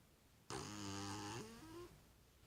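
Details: A sleeping cat lying in a cardboard box gives a single drawn-out, buzzy, slightly tonal snore.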